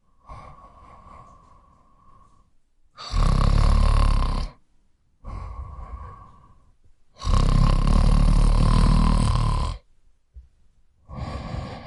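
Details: Loud, harsh, rattling inhaled snores alternating with quieter breathy exhalations, roughly 12 breaths a minute; heavy snoring.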